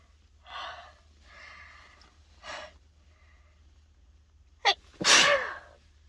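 Several catching inbreaths build up to a sharp, explosive sneeze near the end. Repeated sneezing brought on by sneezing powder.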